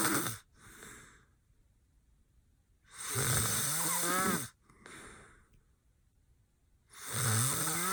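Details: Adult man (boyfriend) passed out with eyes open: loud, harsh, rattling snores on each in-breath, some with a buzzing pitched tone, softer out-breaths between, about 17 breaths a minute; heavy snoring.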